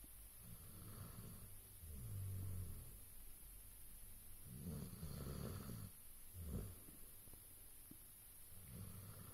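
Low, rumbling snores that recur every couple of seconds over steady room hiss: snoring in a sleeping dog.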